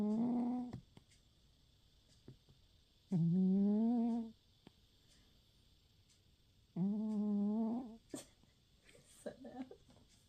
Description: Oscar the cat asleep on my lap on the couch, snoring and dreaming